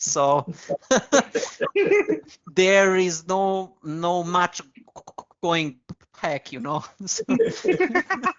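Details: Stuttering (stammering) in an adult man who has used very slow speech to control it.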